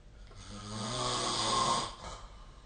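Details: Snoring recorded with the SnoreLab phone app: one long, rough, rattling breath in during sleep, building and then fading; a typical snore.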